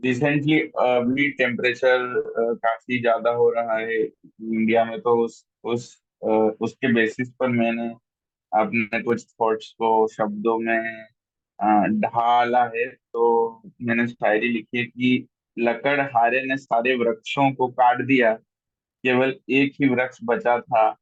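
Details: Adult man who stammers, a member of a stammering association, reciting his own Hindi-Urdu poetry at an online event, repeating a syllable many times before a word; stuttering.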